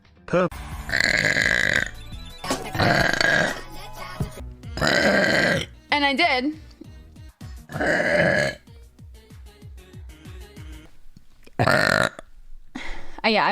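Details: Girl streamer burping during a stream: several loud, drawn-out voiced belches with short gaps between, over background music.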